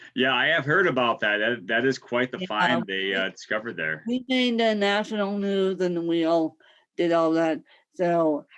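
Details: Adult speaker in conversation; ordinary speech.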